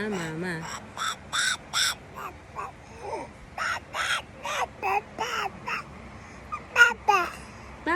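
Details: Hoarse voice in a baby, caused by a cough, while still babbling and talking.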